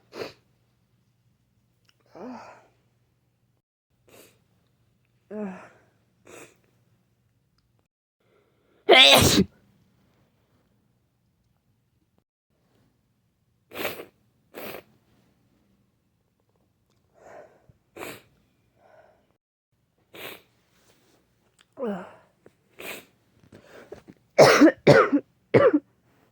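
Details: A run of sharp, explosive sneezes, roughly nine, from a sick person, with quieter sniffs and breaths between them; sneezing.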